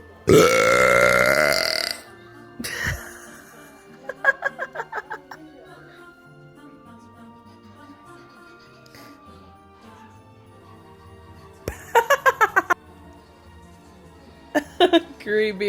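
A long loud belch, then several short rapid belch bursts over background music; repeated burping.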